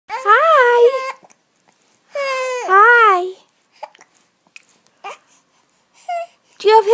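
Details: Two short wavering cries, then quiet with small vocal sounds, from an 11-week-old baby boy who has hiccups and gas; brief fussy crying.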